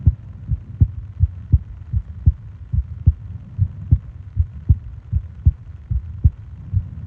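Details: Japanese sleep ASMR recording of heartbeat and breathing sounds, 20 minutes long: steady low lub-dub heartbeat at about 77 a minute, regular rhythm, no extra sounds; normal heartbeat.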